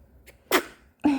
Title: 아기 귀여운 영상 ❤ 신생아 재채기 & 메롱 & 하품